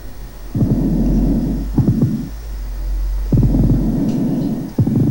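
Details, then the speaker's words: Patient with tuberculous pleuritis: pleural friction rub on chest auscultation, rough grating creaking bursts in both inspiration and expiration, like two irregular surfaces rubbing together, over a low rumbling chest recording. "sí escuchen ustedes el frote el roce rasposo como si dos superficies irregulares rozaron entre sí en un momento dado tanto en la inspiración como en la espiración"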